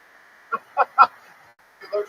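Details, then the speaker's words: Stifled sneeze from someone who tried not to sneeze, likened to a cat or baby animal: three quick, high, squeaky suppressed bursts, then softer sounds. "That joke made you sneeze like a cat."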